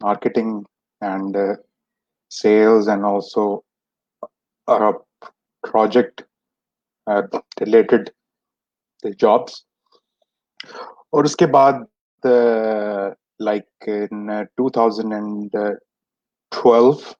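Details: Stuttering in an adult man who has stammered since age 6; many speech therapies did not help him, and he is speaking in a session by stammerers for stammerers.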